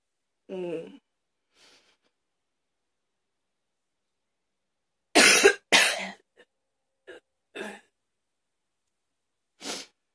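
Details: Afternoon coughing fit: a hoarse vocal sound, a quiet gap, then a run of about five sharp, harsh coughs spaced over several seconds in a quiet room.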